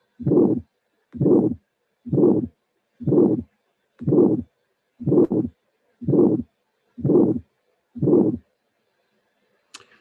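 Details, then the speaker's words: Constructed teaching sound at about 60 beats a minute: first and second sounds, then a systolic click, then the murmur added; systolic click with murmur. "You will listen first and second sound, then you will listen the click, and then you will listen the murmur."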